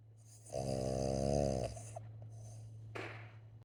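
One drawn-out, buzzing, whistly snore with a steady hum underneath, then a short snort: snoring.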